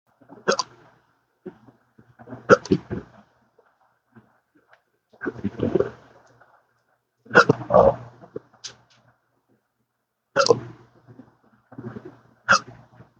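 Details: Persistent chronic hiccups with occasional burps, in daily episodes lasting up to 12 hours since December 2015 after surgery with nerve damage: about eight abrupt voiced hiccups in thirteen seconds, some with a grunting catch, from involuntary diaphragm spasms.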